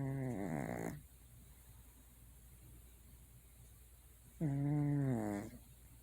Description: Like the title says, it's by silly cat snoring. This is not edited or enhanced in any way.